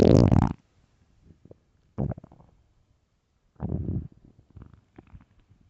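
Loud low gurgling rumbles in several bursts with quiet gaps; normal stomach growling from gas and fluid moving through the gut.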